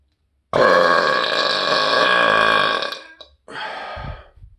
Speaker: but uh to cap this off i will burp for you guys